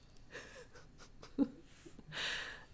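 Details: Two soft, breathy snoring breaths from a sleeping female dog, with a faint snort-like click between them, over quiet room noise.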